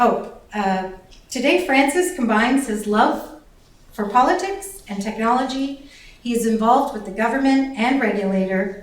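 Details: Adult female speaker; normal voice.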